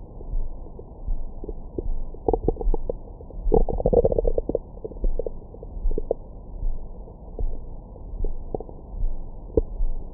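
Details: Recorded with a Stemoscope stethoscope microphone on the belly after a large meal: irregular low gurgles and squeaky rumbles, ordinary stomach growling, normal bowel sounds.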